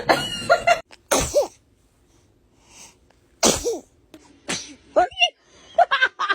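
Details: Several small, sharp infant sneezes in a row amid adults' voices, laughter and "bless you"; ordinary baby sneezing.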